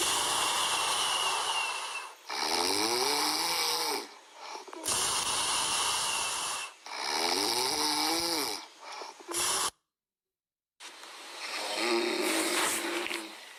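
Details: Chihuahua puppy snoring heavily: loud, rattling snores alternating with noisy hissing breaths over several cycles.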